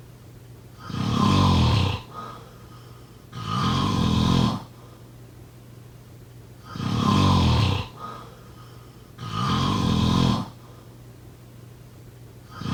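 Five loud, low, rattling snores over about 13 seconds, one with each breath in, close to 23 breaths a minute, with quiet pauses between.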